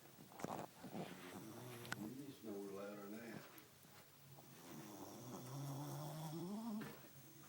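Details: Mophead, a dog sleeping in a recliner, snoring: long droning, slightly whistling snores over a few slow breaths with faint room noise.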